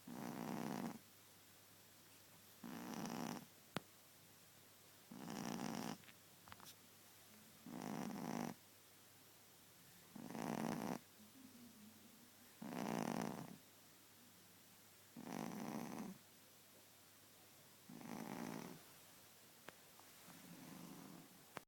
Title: Mabel the Shih Tzu snoring